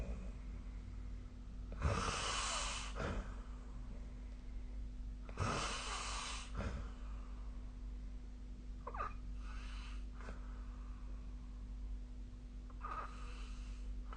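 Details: Adult snoring during sleep: rough, noisy breathing at irregular intervals, several loud rattling snores over steady room hum.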